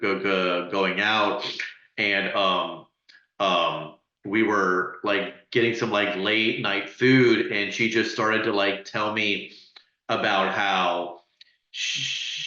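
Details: Adult man who stutters and is very open about his stuttering: stuttering.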